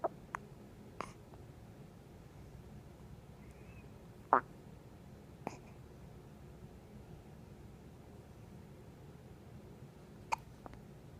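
Several brief, sharp throaty clicks at irregular intervals over quiet room noise, typical of hiccups.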